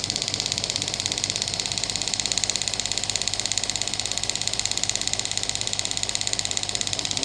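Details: Biotronix pneumatic radial ESWT shockwave therapy device (touch-screen model) firing at maximum intensity, frequency 22, shots counting: rapid, very regular hissing pulses from the handpiece.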